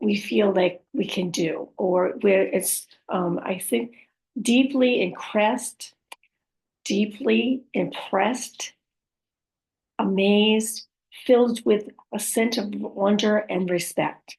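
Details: Woman living with aphasia, apraxia of speech and dysarthria after a stroke; aphasia with apraxia of speech and dysarthria.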